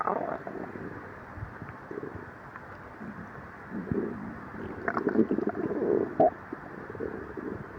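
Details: After 12 hours without food, before and after drinking milk, in a person with severe lactose intolerance: irregular low gurgles and rumbles with bubbling squeaks from the belly; stomach growling (borborygmi).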